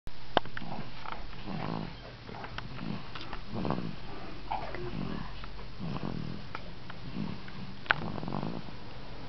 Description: snoring wolfcub, with cameo by the ima quat